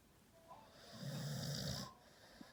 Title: American Stafford Terrier snoring even with eyes opened